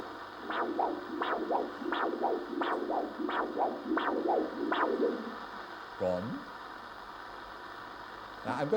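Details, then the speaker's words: Doppler probe over an artery of a volunteer's arm in a live lecture demonstration: rhythmic whooshing arterial pulses at about 85 per minute stop abruptly when the arm's blood supply is cut off. "I'm going to I'm going to to interrupt this blood supply to arm for few more seconds because I think you should be able to hear The Rush of Blood back into his into his arm"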